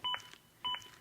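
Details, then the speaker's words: ZOLL AED Plus with Real CPR Help during chest compressions: sharp paired electronic beeps at about 100 per minute, an adaptive metronome pacing compressions up to at least 100 per minute. "beeps act as an adaptive metronome that monitors my compressions and tries to speed them up to at least 100 per minute"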